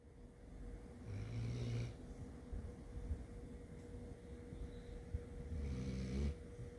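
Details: Bella, a black Labrador, sleeping: two low, rumbling snores over a steady background hum; dog snoring.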